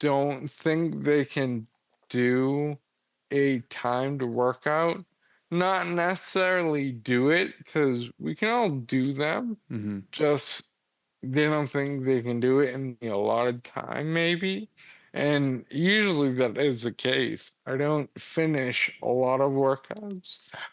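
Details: 35-year-old man with Friedreich's ataxia, a progressive inherited neurological disease diagnosed at 19 and affecting muscle coordination; it affects his jaw and tongue movement, noticeable since about age 33-34; wheelchair user; ataxic dysarthria.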